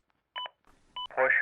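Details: A Zoll AED Plus defibrillator demonstration during CPR after a delivered shock: two short electronic metronome beeps about 0.6 seconds apart pace the chest compressions, then a voice prompt begins.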